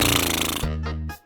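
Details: Brief buzzy, fluttering snore settling into a soft tonal hum, judged to be no problem: a mild, harmless-sounding snore.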